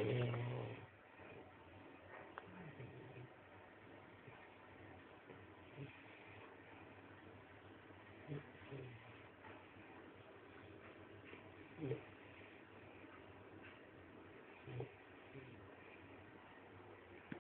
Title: Snoring Puppy Shar Pei